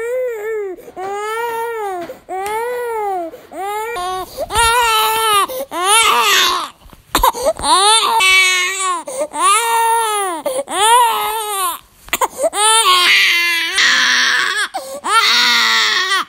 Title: Baby Crying Sounds Noises | Film & Sound Effects